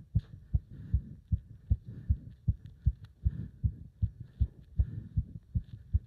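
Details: Heart sounds during leg-wrench exercise, pounding felt up to the subclavian artery: fast, strong, regular heartbeat about 150 bpm; rapid forceful heartbeat with exertion.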